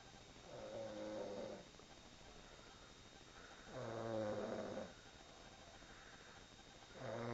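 Rhythmic, rattling snores on each breath, about 19 a minute, with quiet gaps between; ordinary snoring.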